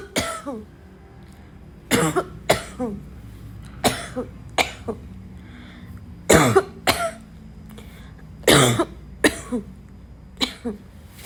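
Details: Repeated harsh, dry coughs in short bursts of two or three, about eight bouts with a barking quality, amid throat clearing and snorts; a barking cough.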